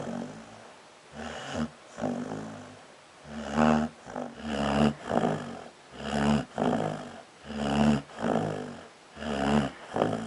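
Loud, rough, rattling snores repeating about six times in ten seconds, roughly 36 a minute, with short quiet gaps between.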